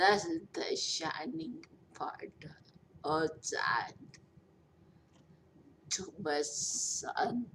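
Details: 43-year-old woman recovering from a major stroke after a long recovery, who says she is hard to understand; post-stroke speech impairment.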